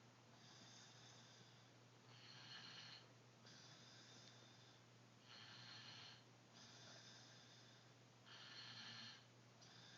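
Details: Faint, hissing, snore-like breaths, about 19 a minute, over a steady background hum; snoring.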